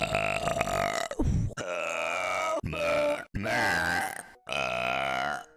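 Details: A compilation of burps: several long, loud, voiced belches, each drawn out for about a second.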